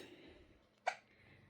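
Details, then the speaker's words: Infant boy with hiccups: a single short, sharp hiccup against quiet room noise. "Baby has a hiccups. Needs some milk."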